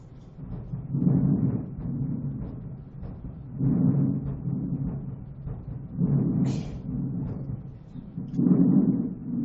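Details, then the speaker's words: Normal breath sounds through a stethoscope: soft rushing inspiration and expiration clearly heard, with faint heartbeat thumps underneath. "this so you can hear inspiration and expiration you also hear the heartbeat in there as well"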